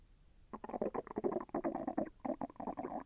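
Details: Digestion sounds from the person's own abdomen, with intestinal movement that was a little painful: a quick run of bubbling, gurgling stomach sounds; bowel sounds (borborygmi).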